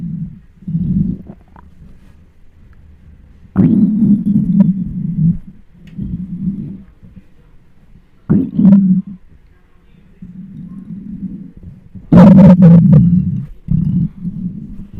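Loud, long gurgling and groaning rumbles with sudden squelchy bursts, recorded close to the belly. Hunger growling from gas and fluid moving through the gut.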